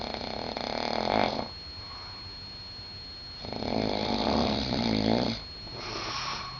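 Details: Loud rough snores on breathing in, separated by quiet pauses, with a steady background tone, from a man asleep in a Las Vegas room before the curtains were opened; ordinary snoring.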